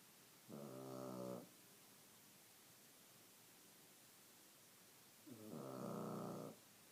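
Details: Rosie snoring: two buzzing, fluttering snores about five seconds apart with quiet hissy breathing between, against steady background hiss.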